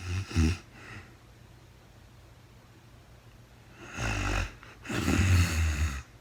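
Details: Real-time recording of a woman asleep, very tired: deep vibrating snores on inhalation separated by quiet pauses in a small quiet room, no talking; snoring during sleep.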